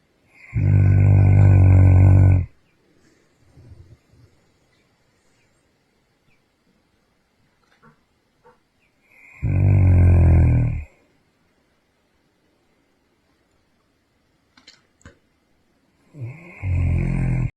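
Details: Large Central Asian Shepherd dog asleep after night guarding, snoring within seconds of lying down at 6:30 AM: loud, deep, buzzing snores about two seconds long, roughly every seven seconds.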